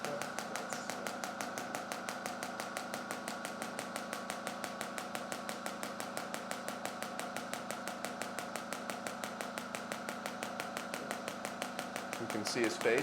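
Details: Shockwave therapy for anterior hip pain (suspected hip capsule/adductor magnus issue) in a man, applied to adhesions: rapid steady clicking pulses about three per second over a low hum, level six; shockwave device firing.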